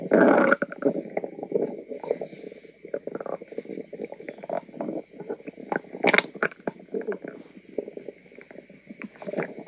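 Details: Active, noisy bowel sounds (borborygmi) from an adult woman's belly: continuous bubbling, gurgling rumbles with irregular loud bursts.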